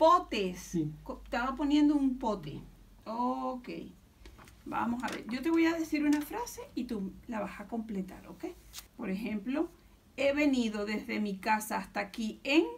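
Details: Adult female speaker (therapist); Normal adult speech.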